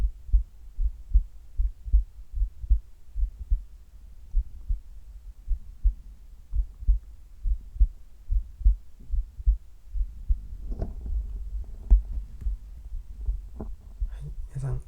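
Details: Regular low heartbeat thumps at about 75 per minute, recorded before and during sit-up exercise, joined later by rustling and movement noise as sit-ups begin; heart sounds during exercise.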